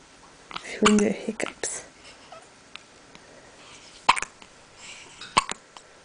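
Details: Hiccups in a girl who gets them very often: several abrupt, sharp catches of breath with short voiced squeaks, a second or more apart, with brief talk early on.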